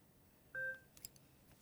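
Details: Servo-n neonatal/pediatric ventilator training: a single short electronic beep, then faint taps, as the Y is blocked and the flow sensor (Y sensor) calibration is confirmed. A normal device sound.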